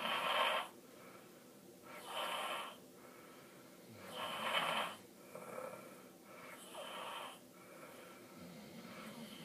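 Rough, rattling snores on each breath in, about 14 a minute, somewhat irregular, with quieter breaths out between them. Snoring.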